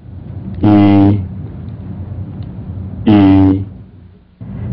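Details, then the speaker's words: Egophony on posterior chest auscultation with the stethoscope diaphragm: the patient says "ee", which comes through the chest wall as a nasal "a", suggesting air-filled lung has become airless. "then have the patient say e e what when e sounds like a and has a nasal quality egophony is present"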